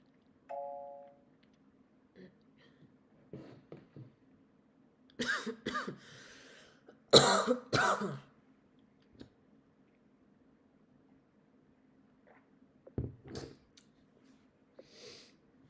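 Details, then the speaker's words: Adult with a dry throat during a livestream: a few short, dry, unproductive coughs and throat clearing, with no rattle or wheeze. "And I have a pretty dry throat. I've just been dry coughing as you can hear."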